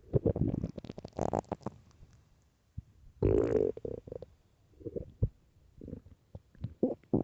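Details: Early-morning stomach growls recorded with headphones: loud gurgling and rumbling bursts with brief pauses; normal bowel sounds (borborygmi).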